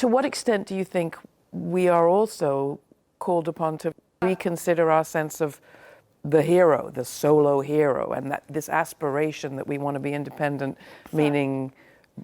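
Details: Adult woman speaking; Normal speech.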